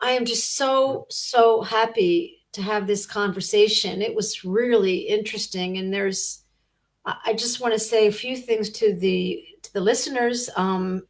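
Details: Adult woman speaking; normal speech.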